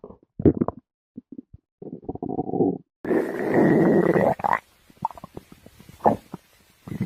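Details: Stomach growling: gurgling and a long low rumble with short bubbling pops from gas and fluid moving through the gut; borborygmi.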